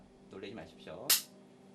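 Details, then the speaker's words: Transrectal ultrasound-guided prostate biopsy in a man, targeting an MRI-suspected prostate cancer site: brief murmured speech warning of the noise, then one sharp loud snap of the spring-loaded biopsy gun taking a tissue core. "따끔 그립니다. 총소리 나니까 놀라지 마십시오."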